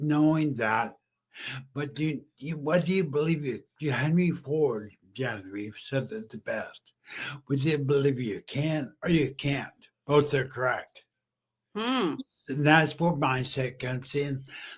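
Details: Adult male stroke survivor about 15 years after stroke and brain injury, half paralysed and using a wheelchair, previously mute, with an ongoing speech deficit; aphasia after stroke.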